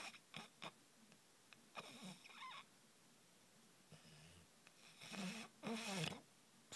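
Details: Snoring in a sleeping dog: irregular snorting and rattling breath noises with short snuffles and whistling between them, in a quiet room.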